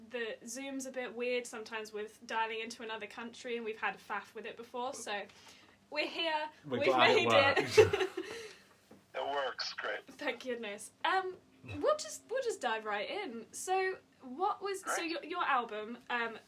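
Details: Adult woman, conversational speech over a call; normal voice.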